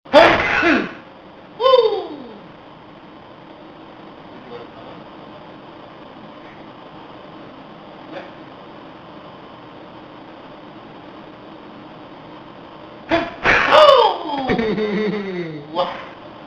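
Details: An adult man's sneezing fit, four sneezes in two minutes: a loud sneeze burst, another shortly after, a quiet stretch, then a further explosive sneeze with a trailing voiced sound.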